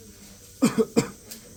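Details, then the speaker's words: Two short voiced coughs from an adult patient with a tracheostomy as the suction catheter reaches the carina during tracheal suctioning in simulated trach care; cough during tracheal suctioning. "I'm going to go ahead and place this tube down to the Corina which is right where your trachea breaks off into two different parts and when we hit that point you're likely going to cough"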